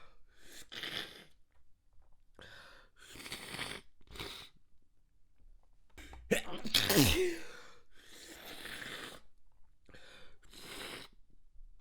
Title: Extremely Wet Stifled Sneeze Fit